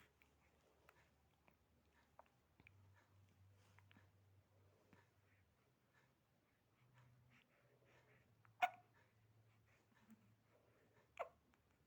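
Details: Newborn baby boy with hiccups: quiet room with a low hum and two brief, sharp catches of breath, fitting infant hiccups.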